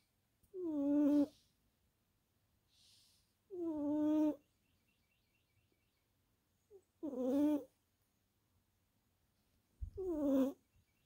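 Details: Sleeping tuxedo cat napping: four drawn-out, tonal snores about three seconds apart, with faint birdsong in the background; cat snoring.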